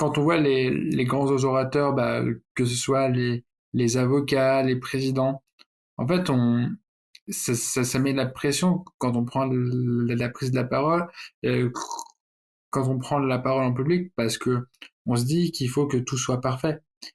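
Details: Adult man who stutters, speaking French, with word and phrase repetitions; stuttering.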